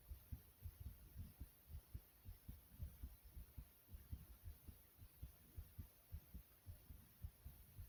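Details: Own heartbeat, described as fast but soft: low, regular paired thumps at about 110 beats a minute with faint hiss, a normal heartbeat.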